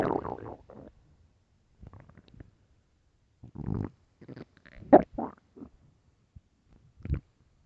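Loud, groaning and squeaky stomach growls in short bursts over quiet; ordinary bowel sounds.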